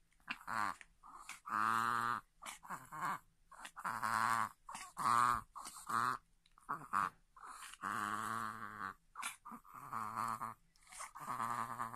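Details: Chihuahua with reverse sneezing that comes on suddenly, almost daily, several times, when excited before treats or meals or at play: rapid, repeated, strained honking "boo-boo" snorts with short gaps, then a "keh"; owner suspects fluid at the back of the nose.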